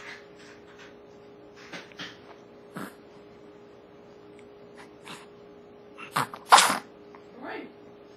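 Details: A short in-breath, then one loud, sharp burst near the end over a steady background hum; a single sneeze.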